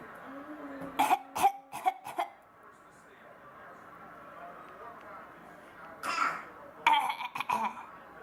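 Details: A baby boy, asked if he has a cough, imitates one with short, deliberate cough-like bursts in two clusters; voluntary mimicked cough, not illness.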